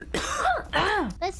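Two short, throaty, strongly voiced bursts and a brief third sound from an adult woman, consistent with a single light cough.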